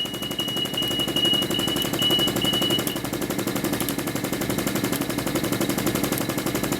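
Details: High-frequency oscillatory ventilator running during setup at a mean airway pressure of 23, with alarm limits at 26 and 20: a loud, fast, continuous buzzing rattle at about 900 oscillations a minute.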